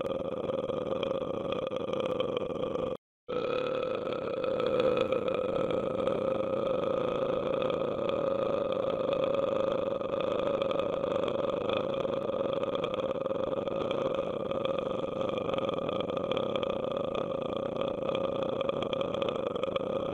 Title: 1 Hour Of Burping - Sound Effect